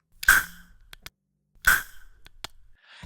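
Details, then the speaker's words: Recording of a metered-dose inhaler discharging, used to desensitize a cat to inhaler noise: two short, sudden, airy hissing puffs, each followed by faint clicks; less high-pitched than a compressed air canister. "notice that the Air Canister is slightly higher pitched and the inhaler sounds more I don't know Airy"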